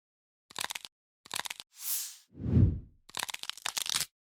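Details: Bursts of rapid crackling clicks with a hiss and dull low thumps from an adult woman's knees while squatting: knee crepitus.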